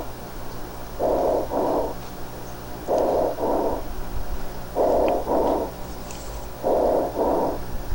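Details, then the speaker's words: Bronchial (tubular) breath sounds in resolving pneumonia, heard over recovered lung bordering consolidation in a teaching recording: harsh, hollow, tube-like; no crackles; short inspiration with a pause, inspiration and expiration nearly equal in length. "fíjense cómo es un sonido tubular no hay estertores no hay crepitaciones notaran que la inspiración es más corta"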